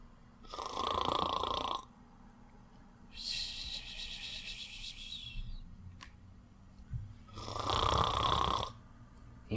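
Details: Sleeper snoring despite denying it: two loud rasping inspiratory snores about 7 seconds apart, with a softer hissing breath out between them.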